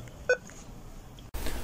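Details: Single short electronic beep from a defibrillator analyzer, then a click and background shift, during testing of a defibrillator's delivered shock energy (about 150 J setting), after several shocks delivered.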